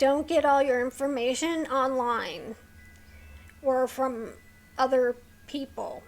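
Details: Woman with a neurological condition causing tremor of hands, voice and head, plus mild tardive dyskinesia; her throat has become sore from straining to talk; vocal tremor.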